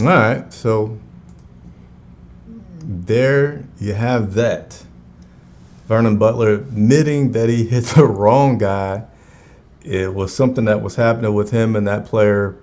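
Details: Adult man who says his own stutter is audible while he speaks live; stuttering.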